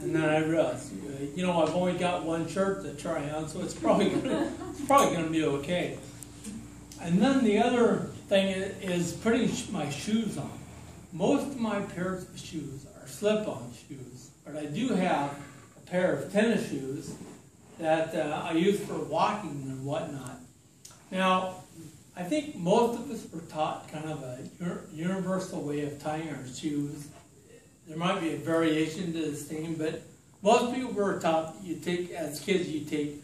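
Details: Adult man with slowly progressive ataxia diagnosed in 2003, affecting his speech, writing and balance; talk at an ataxia support group; ataxic dysarthria.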